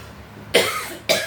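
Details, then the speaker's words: Adult coughing during a massage therapy session for a pinched nerve: two short, harsh cough bursts about half a second apart; cough. "malah batuk-batuk dari tadi Maf ya Pak"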